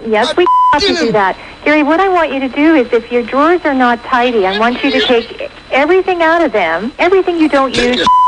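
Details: Adult speaker over a telephone or radio line; typical speech.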